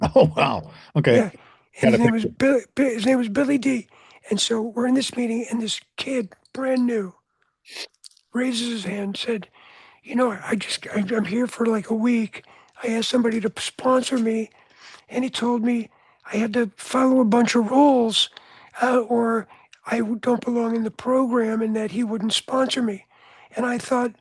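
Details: Adult man with voice change after throat cancer treated in 1993 with surgery, radiation and two years of experimental chemotherapy.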